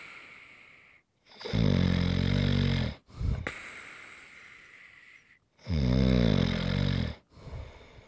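Loud, rattling snores on two breaths in, each followed by a quieter breath out, roughly four seconds apart; ordinary heavy snoring.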